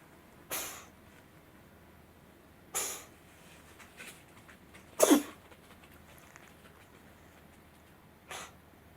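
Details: Cat coughing after eating dry kibble, apparently choking on it: four short, harsh, sneeze-like coughs spaced a few seconds apart in a quiet room.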